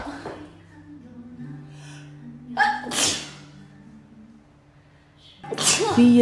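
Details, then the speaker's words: Young Asian woman with severe rhinitis, sneezing to the point of tears: two forceful sneezes, each preceded by a sharp intake of breath, over quiet room sound and faint music. "鼻炎重度患者的悲伤。我太难了。都流眼泪了。"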